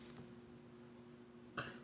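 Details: Adult who has lost their voice because of a dry cough: a single short, dry cough against a steady background hum; dry cough.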